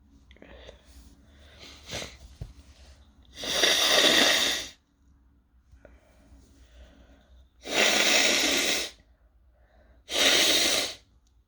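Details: Person who is sick with a sore throat, sneezing from toasting chili peppers while trying to stifle: three loud, long sneezes with quiet sniffing and breathing between; irritant-triggered sneezing, partly held back.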